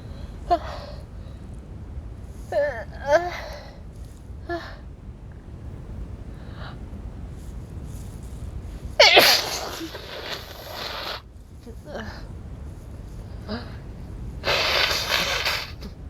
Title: Wet cold sneezes